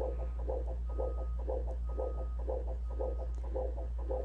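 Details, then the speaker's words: Doppler fetal heart monitoring in labor: whooshing fetal heartbeats slowing to around 120 a minute, getting below normal, a fetal heart rate deceleration before returning to baseline. "getting below normal. That was a deceleration."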